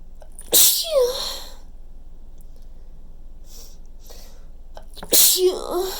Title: some more super wet chhinkni sneezes